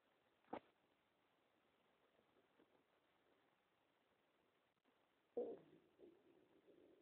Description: My stomach rumbling.